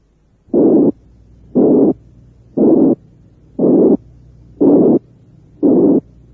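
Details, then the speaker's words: Simulated high-pitched blowing murmur from a teaching recording, built from a narrow frequency band around 360 cycles, resembling mild mitral or aortic regurgitation murmurs: six regular pure blowing bursts, about 59 a minute. "lo denominó soplos o plante de tonalidad alta y este se parece a los soplos de insuficiencia mitral y de insuficiencia aórtica cuando estos no son demasiado intensos"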